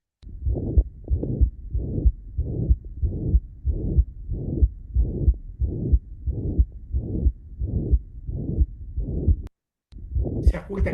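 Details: Mitral regurgitation holosystolic murmur.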